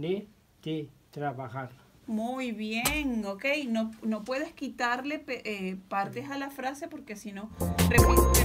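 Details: Adult therapist speaking Spanish; Normal speech.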